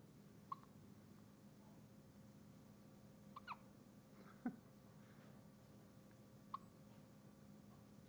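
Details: Hiccups from someone addressed as "buddy": four brief, sharp hiccup sounds at irregular intervals over eight seconds against quiet room noise.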